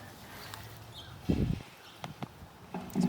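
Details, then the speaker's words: Brief low gurgling rumble from an adult's stomach in a quiet room; ordinary stomach growling (borborygmi). "cute oh my gosh did you hear that was my stomach"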